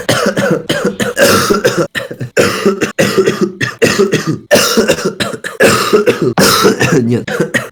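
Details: Man who coughed all evening says coughing feels so bad his eyes seem to bulge out; loud, harsh coughs in rapid repeated bursts with brief gasps between, a sustained coughing fit.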